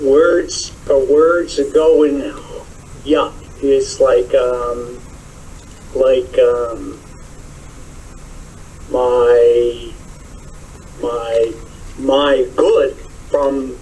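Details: Young male patient with non-fluent (Broca's) aphasia, interviewed by his therapist.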